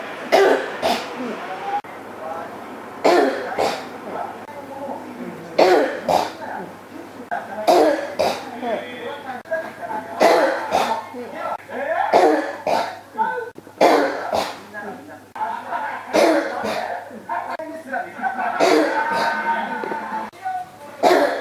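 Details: Adult persistent cough: repeated quick pairs of harsh bursts with voiced groans between, for twenty seconds.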